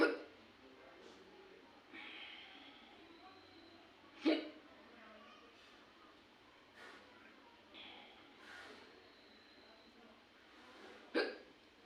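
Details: Woman with hiccups: sharp, abrupt little gulping sounds every few seconds, with soft breaths between; hiccups.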